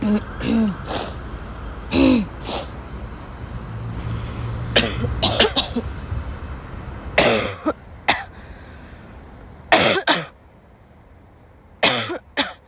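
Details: A sick young woman who woke up ill has a violent dry coughing fit, gasping: bouts of dry, harsh coughs in clusters with gasping breaths between them, over low traffic noise.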